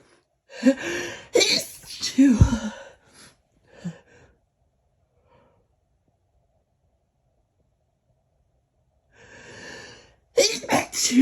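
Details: A person sneezing during a fun evening with someone over a drink: a run of sharp, mostly stifled sneezes with quick inward breaths, a quiet pause, then more sneezes.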